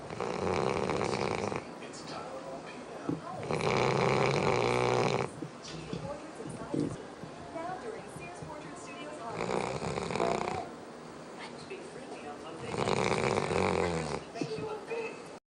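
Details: Dog snoring while lounging asleep: loud, rattling snores on slow breaths, about four in fifteen seconds, with quieter breathing between them; snoring.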